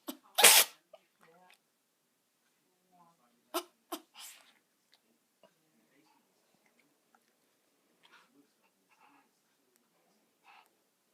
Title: Cute Kitty Sneeze